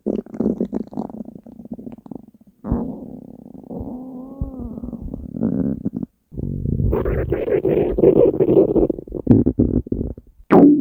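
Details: Hunger stomach growling (borborygmi): long gurgling, bubbling rumbles with rising and falling tones; a normal bowel sound.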